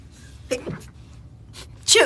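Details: A brief voiced catch of breath, then a sharp, loud, hissing burst: a single sneeze from a young male K-pop singer.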